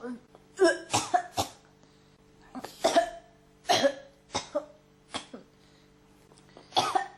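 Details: Repeated harsh cough bursts, some in pairs, every second or two: a persistent cough that won't stop.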